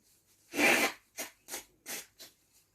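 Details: Sneezing while reading sneeze fiction aloud: one strong, hissing sneeze followed by four shorter, softer sneezes in a quick run, in a quiet small room.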